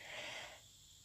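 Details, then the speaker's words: Soft snoring from a young daughter, unwell, asleep in bed next to her parent during a voiceover: a single soft, airy, slightly whistling breath fading into quiet room noise. "And she's all snuggled up next to me, and she's snoring. Like, she's got this cutest little snore, and I don't know if it's going to be picked up on the little voiceover that I'm doing, but if you can hear her snoring,"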